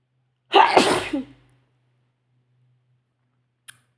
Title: Sneezing spray in CD